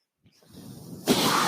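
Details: Real recording: the speaker's own mechanical ventilator heard as he talks, a soft hiss building to a loud rush of air, one delivered breath, its normal working sound. Mechanical ventilator breathing cycle.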